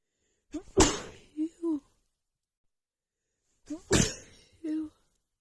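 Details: Sneezing fit triggered by dust: two sharp explosive sneezes, each with a quick intake before and a short voiced sound after, in a quiet room.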